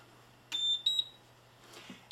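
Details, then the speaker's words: Infant Flow CPAP system set up on a baby mannequin (simulated), switched on by the rear power switch and running at 21% oxygen: high-pitched electronic power-on alarm beeps over a low steady hum. "okay now we're ready to uh turn on the machine there's a power switch on the back"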